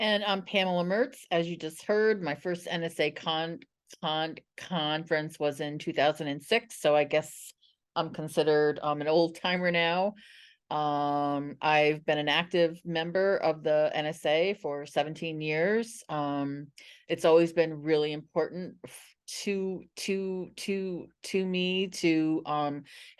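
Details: Adult woman who stutters, an NSA member for 17 years, co-presenting a webinar; part-word and word repetitions appear in this stretch; stuttering.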